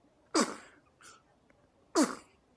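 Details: Sneezing from a smiling baby who has just been fed: two sharp, explosive infant sneezes about 1.5 seconds apart with a small sound between.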